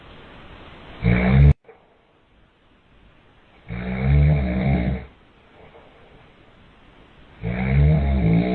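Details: Father snoring loudly enough to keep mother and child awake: loud, low rattling snores in bursts about every three to four seconds, roughly 17 a minute, with quiet between.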